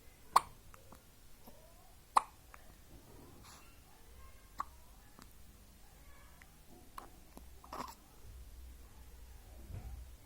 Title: Newborn hiccups 😍